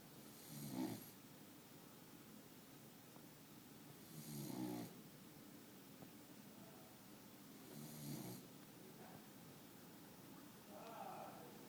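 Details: Sleeping beagle: soft snuffling snores about every four seconds, roughly 15 breaths a minute, in a quiet room; snoring.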